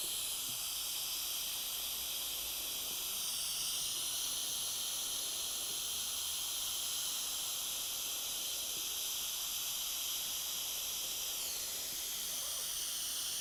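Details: Steady loud high-pitched hiss of gas through a single-use Vortran portable ventilator circuit, oxygen 15 L/min at 50% giving 40 L/min total flow, peak inspiratory pressure 32, PEEP 8, rate 19; normal operation.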